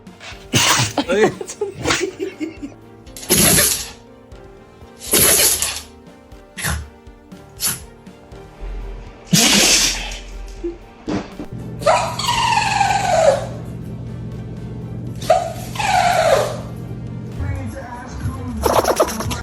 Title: Sneezing dogs 🐶 #foryou #pets #funnypets #funny #doggielife #cute #dog #fyp #usa #funnyvideo